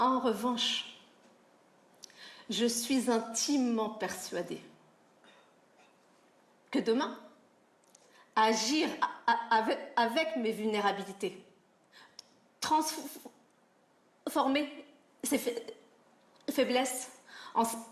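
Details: 40-year-old woman who has stuttered since childhood, from when she started school; real speech showing stuttering.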